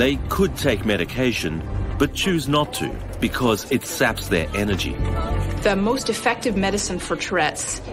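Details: Adult narrator; normal narrator speech.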